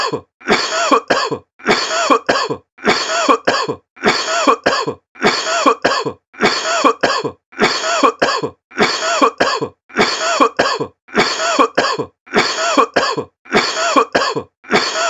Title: Coughing sound effect